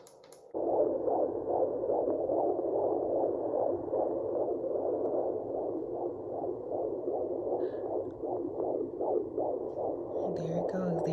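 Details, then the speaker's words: Week 22 pregnancy, a boy: home fetal Doppler picks up a rapid, regular whooshing heartbeat of about 150 a minute, fainter than the office Doppler and fading as the baby moves. "his heartbeat see like it's not as loud as it would be if i were using the doppler at the uh the doctor's office and the fact that he moves every time i find his heartbeat like it's starting to get more and more faint because he's moving"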